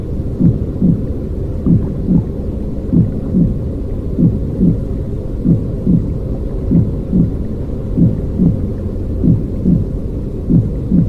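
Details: Simulated intrauterine sound made as white noise for baby sleep: soft paired thumps at about 48 a minute under a steady low whooshing noise; a heartbeat as if heard from inside the womb.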